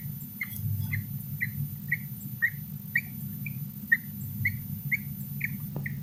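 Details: Roborovski hamster snoring: tiny, high-pitched squeaks repeating with each breath, about 115 a minute, over a low steady hum.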